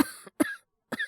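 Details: Acted cough: three short, harsh cough bursts from an adult male voice actor. He plays a teacher with cough and fever in a Japanese drama. All of it is acting.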